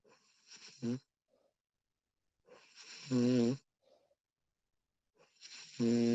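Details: Woman recorded while asleep, extended one-hour recording: loud, low vibrating snores on each breath in, about three in six seconds, with quiet pauses between; ordinary snoring.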